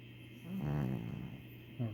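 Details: 3-year-old Chihuahua snoring: a single low, rumbling snore, loud enough to hear over the TV and steady background noise.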